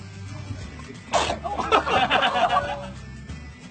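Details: Single small, sudden sneeze from a baby, followed by brief fussing, over soft background music.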